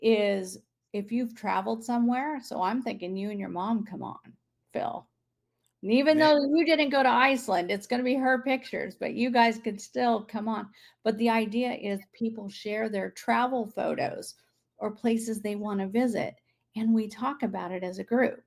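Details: Adult woman speaking; normal adult speech.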